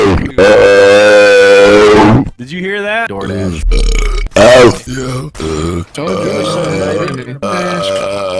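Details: Burping compilation: a series of loud, long, deep, voiced belches with short pauses between them.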